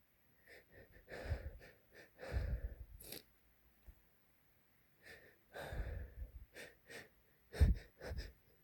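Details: Adult man's hitchy, wet sneezing: a run of short catching breaths and quick bursts of air, some wet-sounding, in a series of sneezes.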